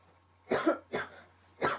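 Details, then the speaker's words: Dry cough heard on external inspection at the start of a lung auscultation exam station: three short, harsh, unproductive cough bursts with no mucus rattle. "кашель сухого характера"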